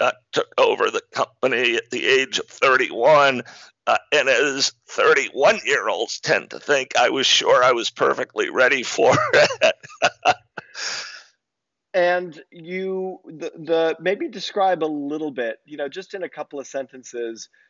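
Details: Adult man diagnosed in 2012 with spasmodic dysphonia, a rare neurological speaking disorder causing partial voice loss and difficult communication, still partly audible: spasmodic dysphonia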